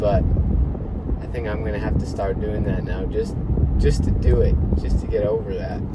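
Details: Young adult man who says he stutters "a little, a good amount": mild stuttering.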